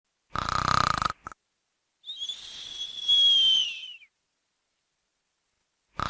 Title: Snoring sound effect